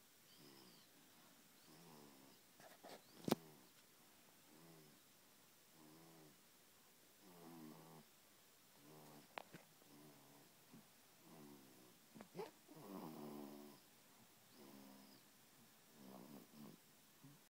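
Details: Snoring at 7 weeks of age: soft, regular snoring on each breath at about 14 breaths a minute, with a few brief clicks and bumps in a quiet room.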